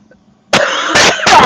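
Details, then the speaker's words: Three very loud, forceful coughs in quick succession after a brief quiet moment; the person says the coughing is so loud they might lose their voice. "I think I might lose my voice the coughing is so loud"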